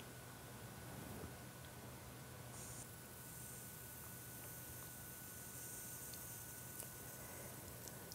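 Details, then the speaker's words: A faint, steady hiss of air as a standard manual arm cuff, pumped above systolic pressure, slowly deflates to emulate an oscillometric automatic blood pressure measurement. "notice now the small pressure changes in the lower Trace now this happens because at every heartbeat a small amount of blood passes through my artery which in turn impinges onto the cuff and is registered by the pressure sensor"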